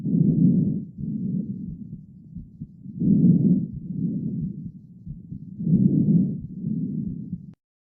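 Soft, low-pitched breath sounds in three cycles, each louder inhalation running straight into a quieter exhalation without a pause: normal vesicular breath sounds.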